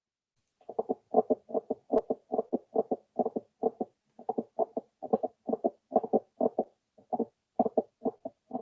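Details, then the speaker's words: Dog with valve prolapse; rapid heart sounds about 140/min with a variable extra click between S1 and S2, often misdiagnosed as a gallop; mid-systolic click. "the click comes and goes and changes. And you can see why these are frequently misdiagnosed as gallop sounds, but they're really systolic sounds of valve prolapse."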